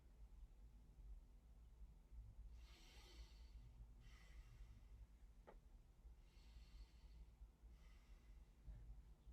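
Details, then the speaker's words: Normal breath sounds: slow, soft, clear deep breaths in and out without wheeze or crackle, auscultated with a stethoscope down the lung fields, low room hum. "great so during auscultation you would always want to notice any abnormal breath sounds if there's any wheezing or high-pitched noises and a whooshing sounds you would always want to hear clean inhale and exhale"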